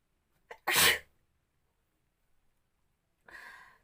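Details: Induced sneeze from a folded hojmola packet inserted into the nose in a sneezing challenge: sharp intake, single forceful sneeze, softer exhale.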